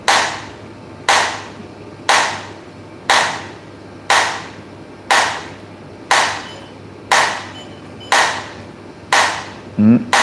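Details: Sharp, regular snapping pulses about once a second, ten in a row: ultrasound-guided extracorporeal shock wave lithotripsy breaking up a kidney stone in a man, reportedly 41, who had earlier lithotripsy in Korea.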